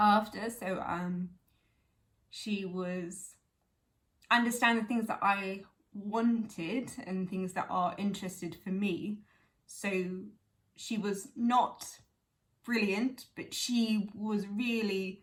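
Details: Woman with aphasia 11 years after a stroke at age 18, speaking spontaneously; aphasia.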